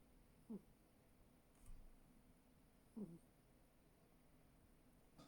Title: Snoring cat